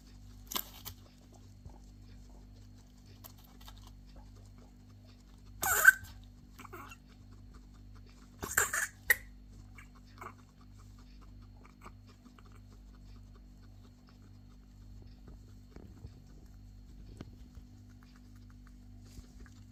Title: Guinea pig coughing and choking